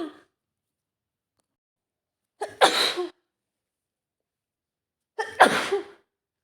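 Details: Adult woman with a serious autumn cold and stuffed nose: two sneezes about three seconds apart, each a quick inward catch followed by a sharp, explosive burst.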